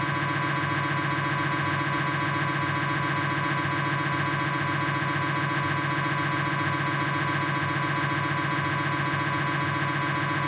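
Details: Knee MRI on a Philips 1.5 T scanner, proton density fat-saturated sagittal (SPIR) sequence: a loud, steady buzzing drone with fast rhythmic pulsing, about 146 a minute. MRI scanner noise.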